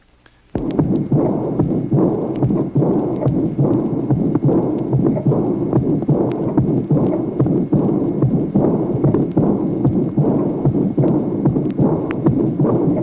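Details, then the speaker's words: Vintage 1966 teaching recording of heart auscultation, tracing 21: aortic regurgitation with soft, blowing diastolic murmur beginning with a loud, drum-like (tambour) aortic second sound; heart rate about 73 a minute. "Tracé numéro 21, insuffisance aortique. Même souffle diastolique. Présence en plus d'un éclat en tambour du deuxième bruit aortique qui marque le début du souffle."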